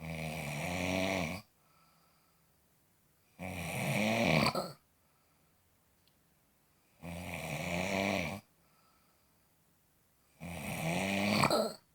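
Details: Loud, rough, rattling snores on each in-breath, about 17 a minute, with quiet out-breaths between; heavy snoring.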